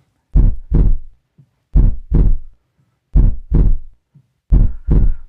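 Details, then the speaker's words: Normal heart sounds: four clear lub-dub pairs at about 43 beats a minute, S1 at the start and S2 at the end of ventricular contraction; regular normal first and second heart sounds. "तो ventricles की contraction के शुरू में लब और and पर dub. लब dub love dub और यह आवाज कुछ यूं होती है।"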